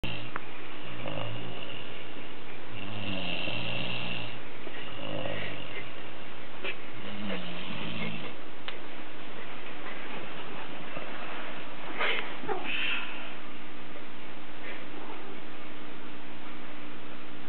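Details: Sleeper snoring and moaning: repeated low, rumbling breaths during sleep in a quiet room.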